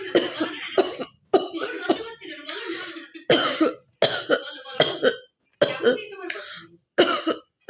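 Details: Series of forced, hacking coughs and throat clearing from an adult woman performing a deliberate cough challenge while having a real cough; voluntary cough.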